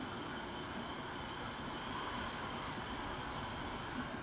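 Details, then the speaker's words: Steady, continuous rushing airflow from a BiPAP machine used for sleep apnea, blowing freely through its hose with the mask off the face; the machine shuts off automatically when not worn. "And that's the air running through it. And it'll shut off automatically when it's not on your face."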